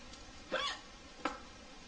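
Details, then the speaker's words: Adult with hiccups that bother her: two abrupt, short voiced hiccups about three quarters of a second apart against quiet room noise. "I hope that um I hope that that uh these hiccups go away uh I hate having the hiccups because they bother me so much"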